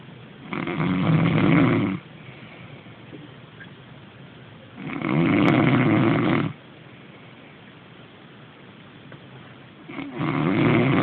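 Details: Man asleep snoring: loud, rough snores on each in-breath, about 13 a minute, with quiet out-breaths between; heavy snoring.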